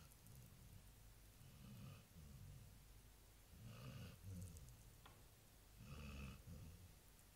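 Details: Labrador dog snoring during routine nightly sleep: low rumbling snores, about three loud snoring breaths with softer ones between; harmless sleep snoring.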